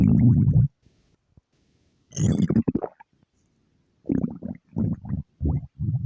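Low gurgling and rumbling bursts with pops and squeaks, typical stomach growling from gas and fluid moving through the gut.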